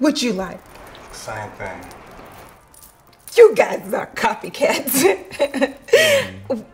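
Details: Actress portraying a stuttering waitress taking a breakfast order in a comedy film scene; acted, not genuine; stuttering (acted).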